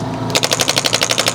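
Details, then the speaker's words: Radial shockwave therapy device along the shoulder blade of a university student with shoulder pain from a heavy backpack, first-time treatment; rapid, sharp percussive tapping about twelve pulses a second, slapping the skin like a strong Theragun. "This is more like a very strong Theragun, so you're feeling that slapping on the skin, and that's even kind of what you're hearing with the treatment as well."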